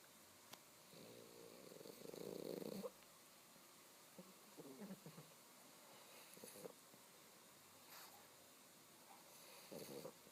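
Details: Pug sleeping and snoring: quiet, irregular rattling snores, one louder snore then softer snorts, faint room noise.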